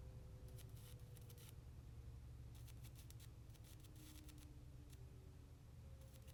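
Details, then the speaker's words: At-home skin tag/mole removal electrocautery pen used on the face, burning off small spots and cauterizing at once into an immediate scab, reportedly painless: low electrical hum with scattered soft crackling bursts. "And basically, what's happening is it's burning off those little spots and it's cauterizing itself at the same time. So it's an immediate scab."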